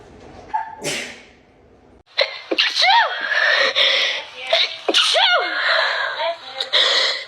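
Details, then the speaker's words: TikTok compilation of a female's sneezes: several sneezes, a sharp explosive burst and quicker higher-pitched ones, with background music. "That's such a cute and small petite sneeze. Your worst nightmare is sneezing."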